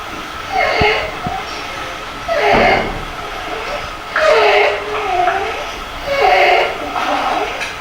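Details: Pediatric croup (laryngotracheitis) with inspiratory stridor: repeated harsh, high-pitched crowing noises with breaths at about 30 a minute from a narrowed upper airway.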